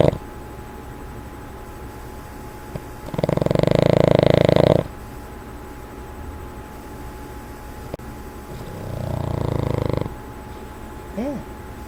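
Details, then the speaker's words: Boston Terrier snoring, then snorting at his owner when woken: two long, loud, fluttering snorting snores a few seconds apart, with quiet room noise between them. "Ben. Ben, what are you doing? Ben, are you snoring?"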